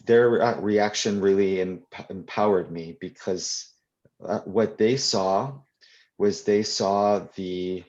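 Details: Adult who stutters, answering a question during a live convention Q&A; real, unscripted speech; stuttering.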